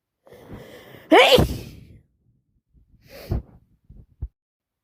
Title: Constant wet cold sneezing